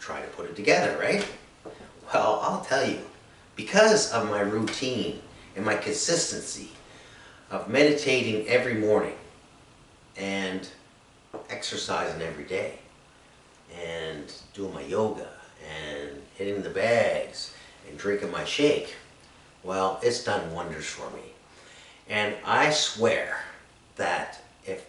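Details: Adult man with anomic aphasia diagnosed three years after an accident with brain injury and three strokes, with word-finding, expression and processing difficulty; anomic aphasia.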